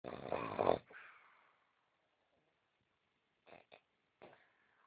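One loud rattling snort-like snore, then quiet with a few short soft snorts; snoring.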